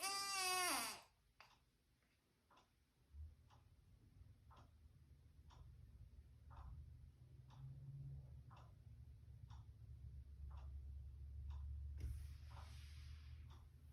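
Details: One-month-old sleeping baby: brief cry, then soft regular grunting and squeaking sounds every second or so; ordinary newborn sleep noises.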